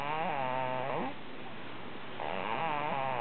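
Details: Person snoring: two drawn-out, rough snores with rising and falling pitch, separated by a quiet pause.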